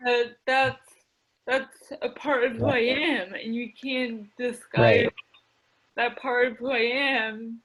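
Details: Adult woman with mild cerebral palsy affecting her speech, the right side of her face and the right side of her body, with a self-described speech impediment and ADD; dysarthria (cerebral palsy).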